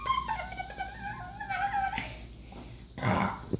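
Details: Dog drinking, then giving a drawn-out throaty burp, with room noise and faint talk in the background; burping.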